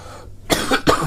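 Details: Adult woman who says her voice is hoarse gives two quick cough bursts after a brief quiet pause, in a small room.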